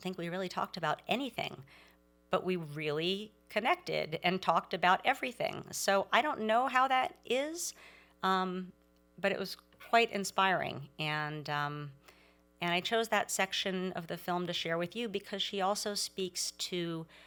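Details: Adult woman speaking; normal speech.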